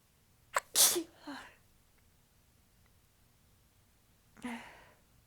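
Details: Soft, tickly sneezes while talking, nose completely blocked: a quick intake, then a soft, hissing sneeze with a trailing breath, and a second lighter sneeze moments later.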